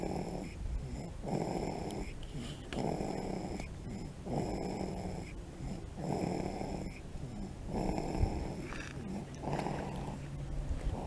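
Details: A sleeping six-week-old puppy snoring during a hike: regular rattling, snorting breaths, about ten in eleven seconds, over steady room hum.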